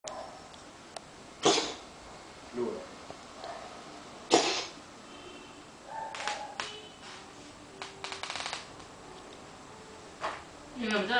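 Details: Cat gives a few short, harsh, dry cough bursts with faint meow-like sounds and room noise between; cause unknown to owner; cough.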